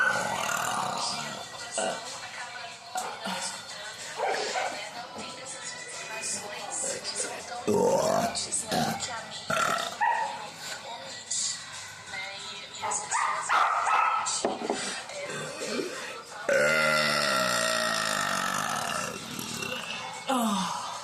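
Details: Several drawn-out belches after drinking Coca-Cola, with background music and talk; burping.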